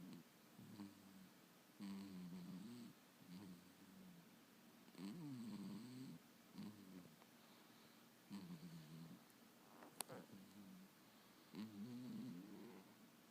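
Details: Soft, regular snoring from a small animal, about 18 breaths a minute, each with a low fluttering rattle.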